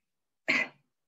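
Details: Effective cough exercise for Covid patients, taught by a rehabilitation physician: one short, forceful cough after a huffing pattern, an acceptable way to clear sputum.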